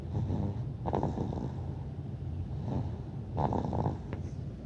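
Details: Cat snoring during sleep: low, rumbling, rattling breaths repeating in slow cycles, with two louder snorting inhalations.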